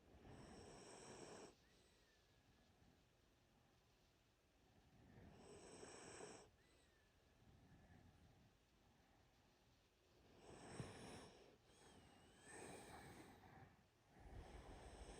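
Slow, rough rattling breaths repeating about every five seconds, roughly 12 a minute, with quiet gaps between; dog snoring.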